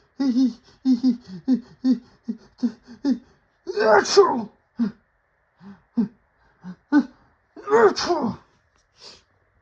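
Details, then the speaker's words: Sneezing fit with nose tickle: a run of short catching breaths and hitches building up to two forceful sneezes. "I just My nose just tickles. I don't I don't know. I don't know. I think I could have I think I needed to sneeze again."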